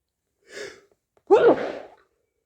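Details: Hay fever sneeze: short sharp intake of breath, then one explosive voiced sneeze.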